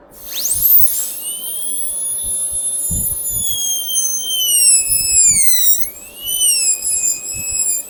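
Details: High-pitched dental air-rotor drill whine rising at start-up, dipping in pitch under load, with faint room noise. A straight bur widens an occlusal-pit cavity, first entered with a round bur, in a demonstration of cavity preparation for glass ionomer cement restoration.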